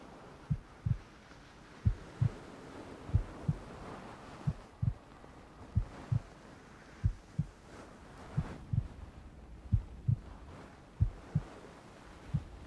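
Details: Furry ASMR, cuddling roleplay with heartbeat sound effect over rain ambience: soft paired lub-dub beats, about 70 a minute, slow and regular; normal heartbeat.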